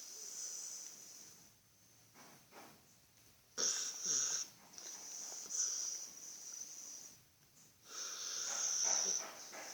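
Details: Sleeping dog snoring: slow, hissing, whistly breaths about 13 a minute with snorting noises.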